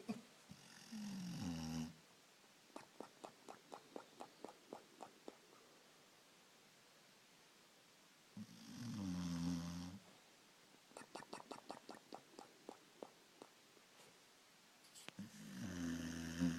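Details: Three-year-old boxer dog asleep: deep, rattling inhaled snores about every seven seconds, with soft clicking and smacking sounds between them; snoring.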